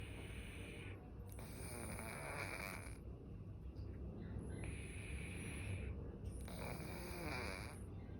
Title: what cat snore sounds like